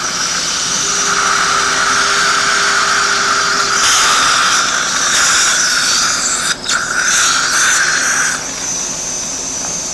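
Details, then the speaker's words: High steady motor whine with hiss, briefly interrupted: dental surgical drill with irrigation cutting pilot holes to 80–90% of implant length for 2.5 mm mini implants stabilizing an upper denture in an anesthetized patient. "we're going to drill approximately 90 80 to 90% of the total length of the implant I'm going to go ahe and make our second hole I want to remove the bone from the fluts of the drill each time go ahead and make our third"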